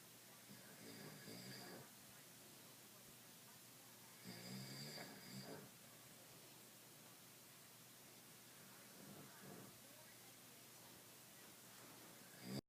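Faint, rough snores recur about every four seconds, roughly 14 a minute, over a quiet room hiss. This is light snoring during sleep.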